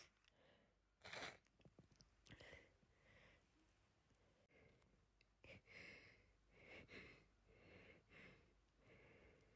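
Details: Person who could not stop sneezing after being outside all day: sharp sneeze bursts with sniffs and breathy build-ups, then several rhythmic nasal blows. Repeated sneezing followed by nose blowing.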